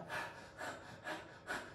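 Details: Adult imitating a pneumonia patient's breathing in a nursing lecture: quick, shallow, panting breaths, about four in under two seconds, indicating respiratory difficulty; tachypnea.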